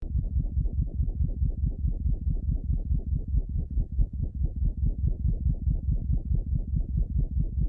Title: Heart murmur in a rabbit with mitral valve regurgitation